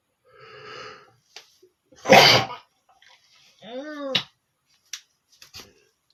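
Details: Male sneezing, big and small sneezes: a sharp explosive sneeze after an indrawn breath, then a smaller voiced sneeze and a few soft sniffs.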